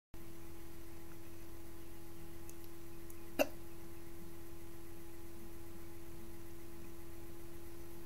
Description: my hiccups